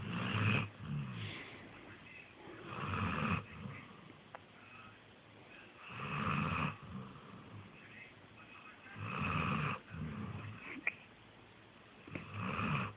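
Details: Sleeping puppy: loud, rough snoring with regular breath cycles at about 19 a minute, each inhalation rattling and noisy: snoring.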